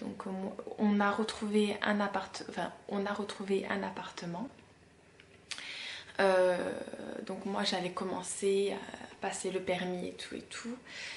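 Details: 32-year-old woman who has stuttered since about age 4-6, noting it worsens when tired, rushed or emotional; stuttering.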